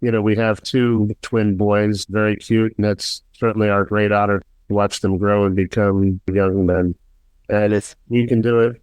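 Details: Adult male speaker; typical speech.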